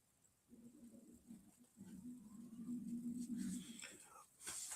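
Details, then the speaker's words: Adult's belly during a spoken talk, speaker remarking on it: low, drawn-out gurgling rumble in a quiet room, stomach growling (borborygmi). "Ooh, my stomach growling. Did y'all hear that?"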